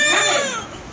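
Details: A brief, high-pitched wail from a newborn baby girl just delivered by cesarean section in hospital, fading out within a second: newborn cry.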